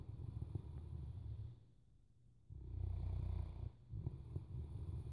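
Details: Sleeping Boerboel dog: low rumbling, fluttering snore on each breath cycle, with a short quiet pause between breaths; snoring.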